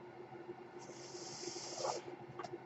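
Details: Speaker's own mechanical ventilator heard during a podcast recording, delivering a breathing cycle.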